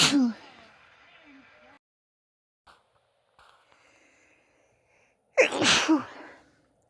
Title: compilation of recent sneezes (F)